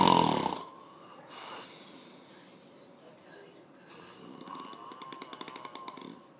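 After a brief loud noise and a quiet pause, a rattling, fluttering snore is heard on an in-breath in a quiet room.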